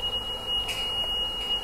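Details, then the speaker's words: Steady, high-pitched continuous tone as a mechanical ventilator is switched on from the rear power button, an expected start-up alert during ventilator-use teaching. "แล้วมันก็จะฟื้นขึ้นมาอ่าอันนี้ว่ามันจะมีเสียงดังยาวแบบนี้นะเดี๋ยวเราก็กดalarmผิดอ่ะ"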